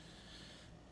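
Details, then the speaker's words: A dog snoring: faint, low, rumbling breath noise under steady room noise, a brief stretch of snoring during a podcast. "Sorry, Bernie snoring. Bernie snoring. I can hear it over here. Bernie Snoring."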